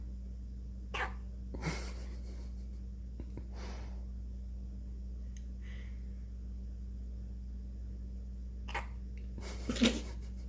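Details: Dog hiccupping while sleeping through them: about five short, sharp hiccups at irregular intervals over a steady low room hum, with a long pause before they return.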